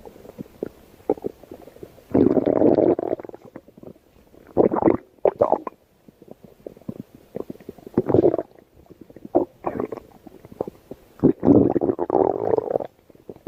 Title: everyone's at the beach summer stomach growling